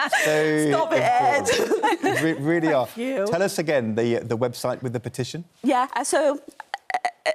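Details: Adult presenter; typical speech.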